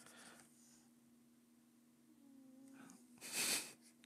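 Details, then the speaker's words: Cat snoring. "you guys hear it's a cat snoring ridiculous"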